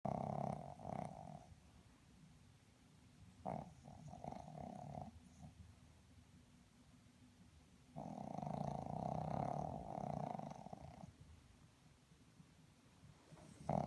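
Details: Sleeping dog, Poppy, before being woken: rough, rumbling breathing noises in bursts with quieter stretches between; snoring.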